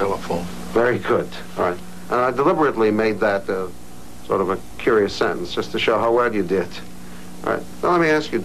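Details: Adult male examiner; clear speech.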